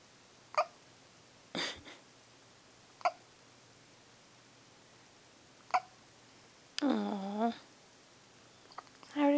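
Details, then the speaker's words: Persistent hiccups in a male that continue despite everything tried: several sharp, isolated hic sounds a few seconds apart in a quiet room, followed by a short whiny vocal sound. "Mama help a hiccups they we tried everything they just still there sad face he super cute though"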